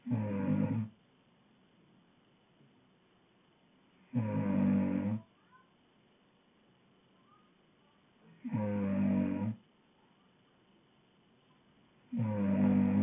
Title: Woman snoring loud